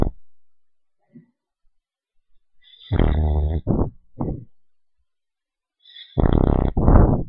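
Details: A little dog asleep, snoring loudly: loud, rattling, low, fluttering snorts in clusters separated by quiet pauses; snoring.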